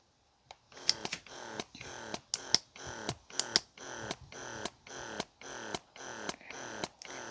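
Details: O'natural 0.21 (Youha Ava) wearable breast pump running in a noise demonstration: loud, rhythmic mechanical pumping cycles with sharp clicks, roughly 36 per minute; noticeably noisy.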